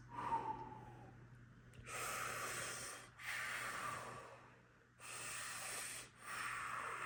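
Slow, deep breaths heard through a stethoscope on a child's front chest, with breathing in and out of similar length and loudness and a short pause between. These are normal bronchovesicular breath sounds, expected over the larger airways. A faint steady hum runs underneath.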